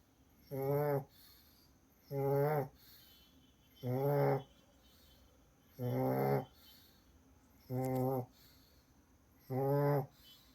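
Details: Snoring in a sleeping Pug, a flat-snouted dog breed: six short, regular, buzzing snores, about 34 a minute, with quiet pauses between.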